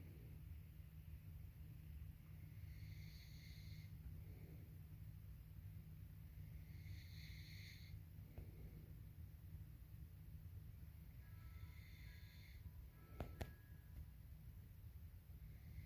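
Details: Soft, regular snores roughly every four seconds, about 15 breaths a minute, over a steady low room hum; ordinary snoring in an adult man.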